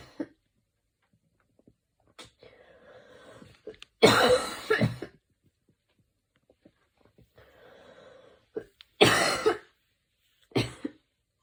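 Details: Person lying on their back during an evening coughing fit: harsh, loud cough bursts separated by soft breathy sounds, recurring over about ten seconds.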